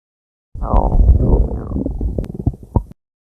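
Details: Free-to-use female stomach growling sound effect: a loud, bubbling, gurgling growl lasting about two seconds and ending in small pops, typical of borborygmi.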